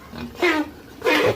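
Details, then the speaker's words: Two harsh, hoarse coughs separated by a short gap from 3-month-old pigs with strong coughing during hot weather; treatment by injection is planned. "So ayan guys kung maririnig niyo talagang yan ho ay malaksang ubaw ay talagang kailangan nating injikan agad yan."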